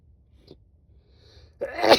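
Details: Adult with a cold, sneezing deliberately induced: near-silence with a faint click, then a single loud, wet, explosive sneeze; sneeze.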